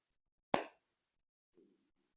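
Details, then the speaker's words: The speaker's stomach growls during a recorded TV review: a sharp thump, then a faint, brief low gurgle in a quiet room. "my stomach growling y'all hear it you see what I'm saying"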